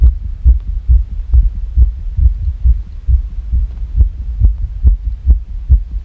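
Fast heartbeat with slightly uneven spacing between beats, a fast irregular rhythm.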